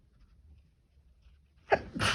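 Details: Repeated sneezing fit in which the sneezes kept coming and started out less powerful; this clip has a quiet room, a sharp intake of breath, then one forceful, harsh sneeze.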